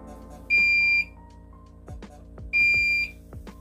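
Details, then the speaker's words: Two loud, shrill half-second alarm beeps about two seconds apart with soft clicks: the audio alarm test of an Amia home peritoneal dialysis machine during pre-treatment machine testing, silenced with the stop button once it turns red. "so it is pretty loud so if you have a lot of people in the house i would start this earlier um you can press this the stop button as soon as it turns red"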